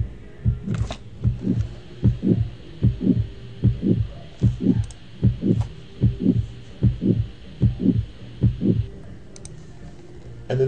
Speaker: Here is now an abnormal heartbeat which would be like a murmur.